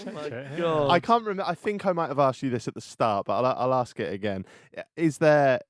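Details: Adult man speaking; normal speech.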